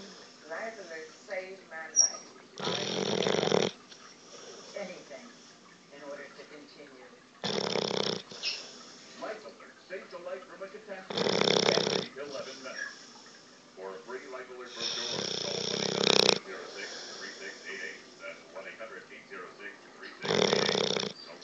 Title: Snoring Dog!